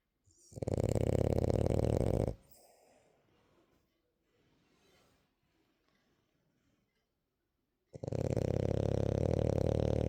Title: The queen sleeps and snores quietly #dog #frenchbulldog #dogsnoring #doglady #dogqueen #queensnoring